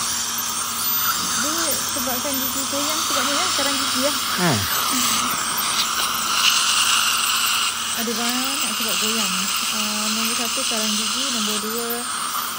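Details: Dental scaling to remove heavy (giant) tartar: steady high hiss and whine of an ultrasonic scaler with water spray under soft music; ultrasonic dental scaler in use.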